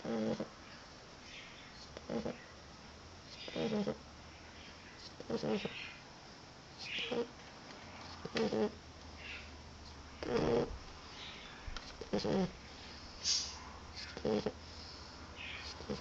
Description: Roxie is a tired Boxer puppy, happily snoring away as she takes an afternoon snooze.